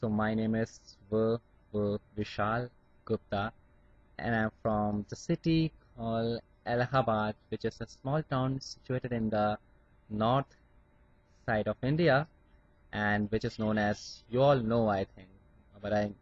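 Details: Adult man from India who stammers, with blocks on some words, working on his speech through acceptance of his stammer; stuttering.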